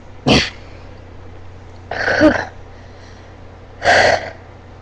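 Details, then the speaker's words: Hiccups lasting about half an hour, which the person says hurt; a cat is present. "I take up I have hiccups right now like that. And there's a cat. These are rendering hiccups. They're actually hurt like right here."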